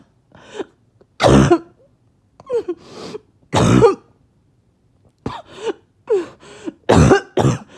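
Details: An adult gives a run of harsh, hoarse, seal-like coughs in short bursts with quiet gaps, from a cough that has allowed about two days without sleep; barking cough.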